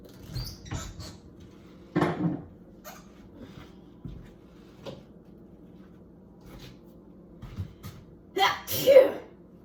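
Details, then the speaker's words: Person with sneezing triggered by kitchen cleaning products (soap, hand soap, bleach): quiet sniffs and room noise, then two sharp sneezes near the end. "These cleaning products make me sneeze. It's so annoying."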